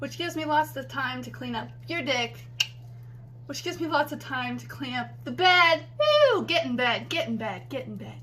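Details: Tourette syndrome vocal tics: a tic word substitution interrupts a sentence, which is then repeated, followed by a repeated phrase tic.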